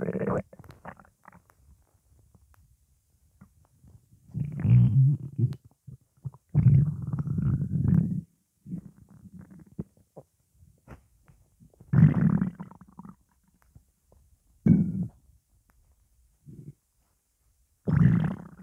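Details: Morning hunger: repeated low rumbling and gurgling bursts separated by quiet, typical hunger stomach growling (borborygmi).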